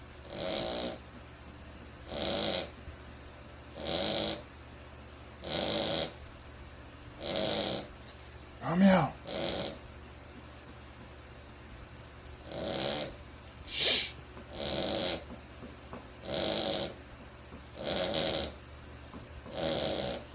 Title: Cavalier King Charles Spaniels snore...a lot! #dog #puppy #pet